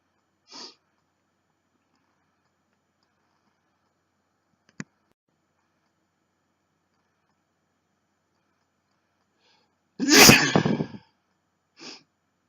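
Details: Male sneezing after taking snuff (chhinkni) for the first time: quiet sniffs and a click, then one loud, forceful sneeze and a final sniff.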